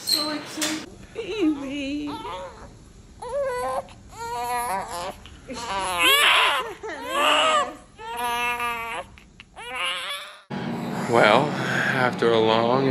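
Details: Repeated loud, wailing cries with short breaths between from a newborn girl just after c-section birth, weighing 7 lb 7 oz, mother and baby healthy; a vigorous normal first cry.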